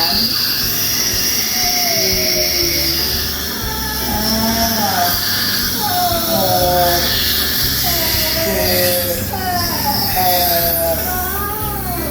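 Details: Polishing handpiece cleaning a child's teeth at a routine six-monthly dental checkup, followed by fluoride coating to prevent cavities. Steady motor whir with background music and a child's voice.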